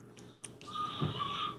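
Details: Adult man asleep on a couch snoring loudly: a faint click then a rising high whistling, squeaky snore, mistaken for a bird, over soft room noise.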